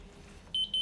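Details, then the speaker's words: Two short high-pitched electronic tones at defibrillation shock delivery from a Zoll defibrillator charged to 200 joules after the charge tone changed to ready, over quiet room noise. "we've gone up on our energy select to 200 and press the charge button the button lights up and the tone changes when the defibrillator is ready to shock"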